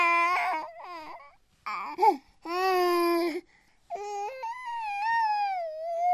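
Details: A 9-month-old baby's high, shrill scream-like cries break off, then give way to a drawn-out, wavering whine; infant cry, from a sound-effects recording.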